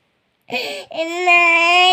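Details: Infant cry: a baby gives a brief breathy sob, then a sustained, high-pitched, tonal wail; the carers mention the baby got hurt.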